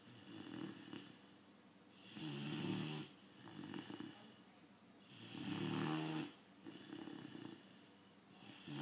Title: Great Dane puppy snoring